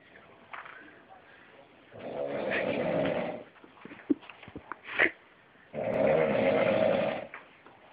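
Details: A coworker asleep at work, snoring: two long, loud, rattling snores on the in-breath, separated by quieter breathing with a few clicks and snorts.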